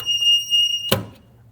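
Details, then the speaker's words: Alarm buzzer of a wall-mounted AED cabinet sounding when the door is opened to access the defibrillator: a shrill, steady high-pitched electronic tone, cut off by the bang of the cabinet door. "It's annoying, but that buzzer is there to indicate to everyone around that the AED is being accessed. It's also there as a way to keep prying hands from opening the door unnecessarily."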